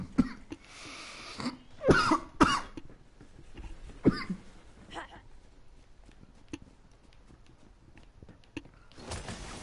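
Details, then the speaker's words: Several harsh coughs and throat clearing in a quick bout, then quieter breathing, from a person still recovering from whooping cough during a gaming stream; whooping cough coughing. "hmm sorry still recovering from whooping cough it's brutal don't ever get whooping cough it's horrible"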